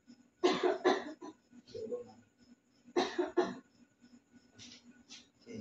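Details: Simulated voluntary cough by an adult female acting as a patient in a nursing student's postural drainage demonstration, lying on the abdomen with head turned to the side. Two pairs of short, loose cough bursts, soft voices in background.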